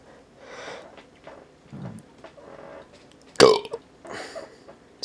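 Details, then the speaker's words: Deliberately faked burp, made by sucking up and swallowing air: quiet room noise, then one short, loud, croaky burst; burping. "How to make a fake burp. First, suck up air. Then, swallow and make the burping."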